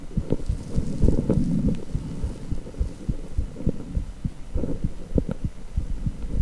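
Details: Heartbeat sound from an echocardiogram Doppler exam: rhythmic low pulsing thumps and whooshes of the heartbeat.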